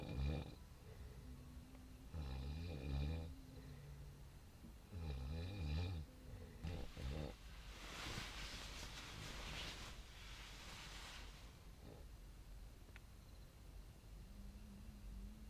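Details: Snoring recorded at 12:30 at night while moto camping at a mountain campground near Mount Merapi at about 1227 m altitude; low, buzzing snores repeat steadily outdoors over wind noise, then a gust masks them.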